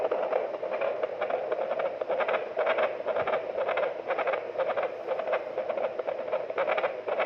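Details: Fetal heartbeat on a Doppler fetal monitor at full-term (9-month) pregnancy during labour: rapid, regular whooshing pulses in the normal 110–160 per minute range; normal fetal heart sounds.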